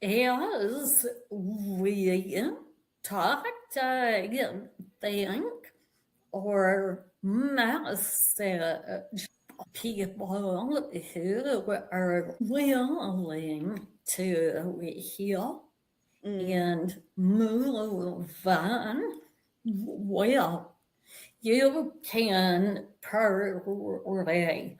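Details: Vocal tremor in an adult woman, real, which she and the description attribute to over five decades of narcissistic abuse and trauma, beginning at age five, affecting her body and nervous system.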